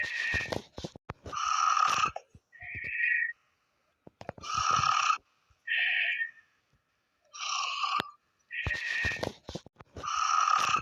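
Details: Snoring from a sleeping girl, recorded by her mother.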